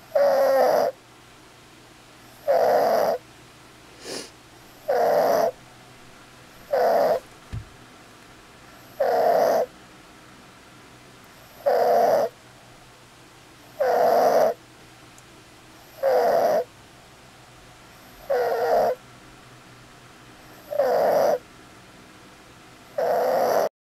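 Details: Stridor: regular harsh, high-pitched crowing noises with each breath, about 27 a minute; stridor.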